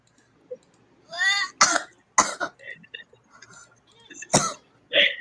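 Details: Adult livestreamer coughing: a brief strained, wheezy vocal sound, then about four short, harsh cough bursts: cough.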